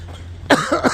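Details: An adult man being treated for a cough, currently on antibiotics and planning nebulizer therapy, gives a short cluster of two or three sharp coughs in a small room after a quiet moment.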